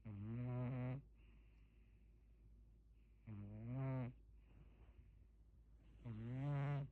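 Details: Man snoring very loudly: deep, buzzing snores, three in about 7 seconds, with soft breaths out between them.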